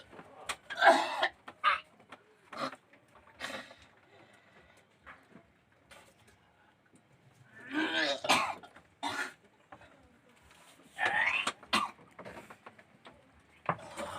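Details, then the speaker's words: Several rough, wet productive coughs and throat clearing from more than one adult, bringing up phlegm during gurah nasal treatment; background room sounds. "Kalau yang mau muntah, kalau yang mau beringus, kalau yang mau metu dahak, silakan dikeluarkan melalui hidung maupun mulut."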